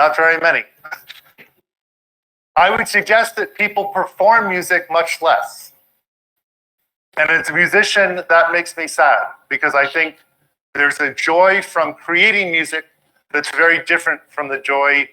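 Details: Adult speaker; normal speech.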